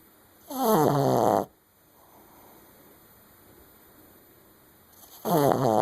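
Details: Two loud, rattling snore-like breaths separated by quiet, from a dog that keeps snoring after waking up, while awake with its eyes open.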